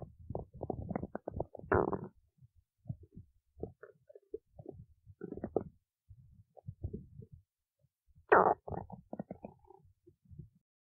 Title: stomach growling